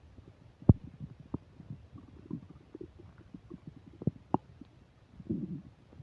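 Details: Upset digestion while eating a burger and fish fries, recorded with a microphone: frequent gurgles, pops and a brief bubbling rumble from the belly with faint mic static; active bowel sounds (borborygmi).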